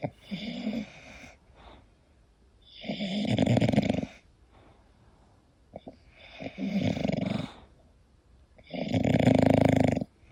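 Loud, rattling snores repeating every few seconds from a sleeping dog; snoring, common in flat-faced breeds.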